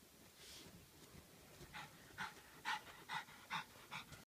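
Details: Quick, even, breathy puffs at about 140 breaths a minute over faint room noise from a dog wearing a thunder shirt, though the owner calls it snoring; rapid panting in a dog.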